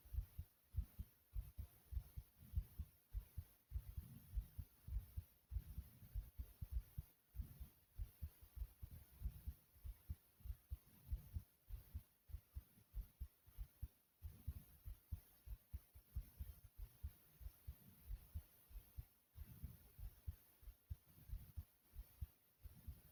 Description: my heart is beating quickly and softly.